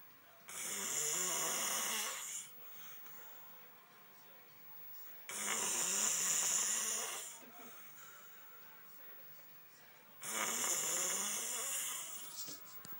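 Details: Snoring while exhausted: three loud, harsh, hissy snores about 5 seconds apart, roughly 12 a minute, with quiet breathing between them.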